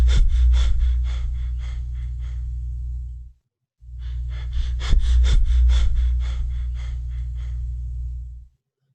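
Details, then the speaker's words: Cheyne-Stokes breathing: bursts of breathing that build in a crescendo and then fade in a decrescendo, with brief silent periods of apnea between them. "let's hear to the audio once again and please let's focus on these pattern that is crescendo decreasing the pattern as well as a period of apnea interspersed in between"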